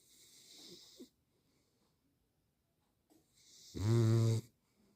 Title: Ginger Snoring..#youtubeshorts #trending #beagle #dog #viral #love #doglover #labrador